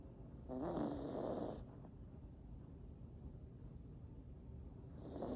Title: Snoring😴🐾 #chihuahua #chihuahualife #chihuahualove #chihuahuafanclub